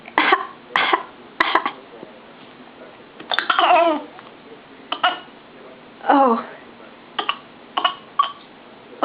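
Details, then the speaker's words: Young child giving voluntary fake coughs on request: several short, deliberate coughs mixed with playful voiced babbling. "foreign do you have a cough can you show me your cough you show me your cough"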